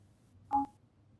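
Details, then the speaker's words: Audible tone from a Servo-u mechanical ventilator during the power test of its pre-use check, sounded when the unit is unplugged before it is plugged back in. "to perform the power test simply unplug the unit listen for the audible tone and plug the unit back in"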